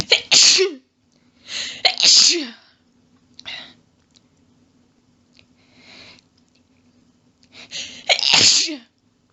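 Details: Female, in a long fit of really rapid quadruple sneezes with some coughing from losing breath: a rapid series of sharp sneezes in quick doubles and triples with soft breaths between; sneezing fit.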